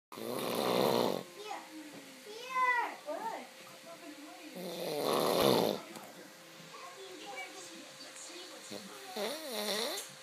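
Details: Snoring: two loud, rough snores about four seconds apart, with people talking and laughing in the room.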